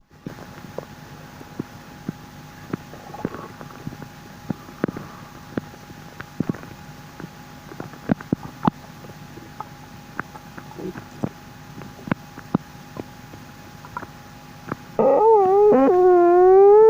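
Frequent soft clicks and gurgles from the belly, ending in a loud, high rising squeak of moving gas.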